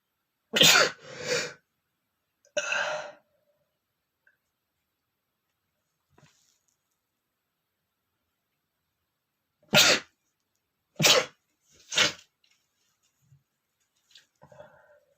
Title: sneezing male #9 (uncovered sneezing)